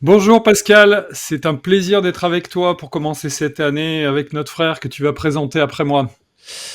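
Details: Adult male speaker; Normal voice.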